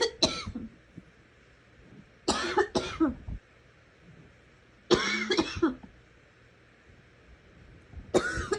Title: Girl coughing 38